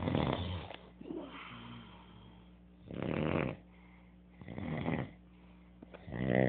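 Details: Adult man (a father) snoring: loud, rough snores on each breath in, about 20 a minute, with quieter breathing between them.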